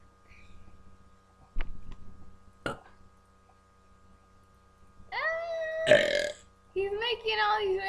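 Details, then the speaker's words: Deliberate burping in a burping contest between siblings: several voiced belches, the later ones long and drawn out, with brief sharp sounds earlier. "That was even beautifuler. That was disgusting."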